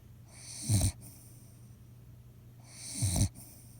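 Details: Sick dog snoring: two low, rattling inspiratory snores with quiet pauses between, over steady background hiss.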